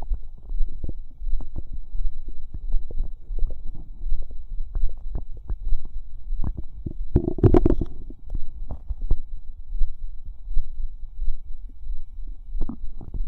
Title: Fizz Bubble Squelch Stomach Sounds part 2